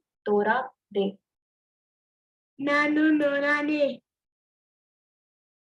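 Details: Child with cleft palate, speech sample one used in a teaching module on cleft speech errors; weak pressure consonants.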